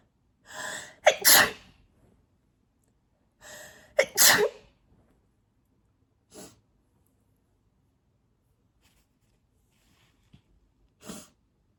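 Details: Adult in an allergic sneezing fit, attributed to cat hair: two full, mostly covered sneezes in quick succession, each after a sharp in-breath.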